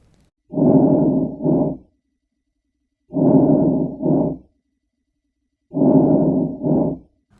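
Soft, low-pitched rustling breaths, longer in than out, with no pause between phases: normal vesicular breathing.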